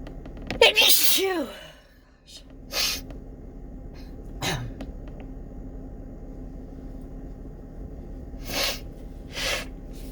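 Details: Morning sneezing fit, probably from fall allergies: a run of several sharp, explosive sneezes with pauses between them.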